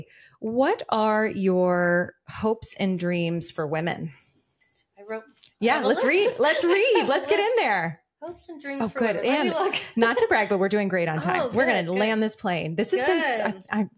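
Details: Adult women talking in a podcast conversation; normal conversational speech.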